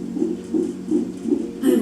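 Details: Fetal heart monitoring during labour, mother using hypnobirthing and a TENS machine, baby kicking the monitor: rapid, rhythmic whooshing pulses about 150 a minute, consistent with normal fetal heart rate.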